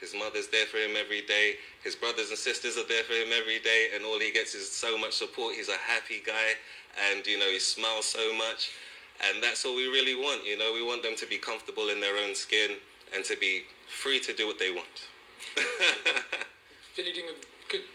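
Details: Adult male speaker; normal fluent speech.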